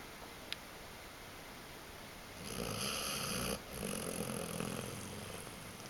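Two long, rough, rattling snoring breaths over steady background hiss; ordinary snoring.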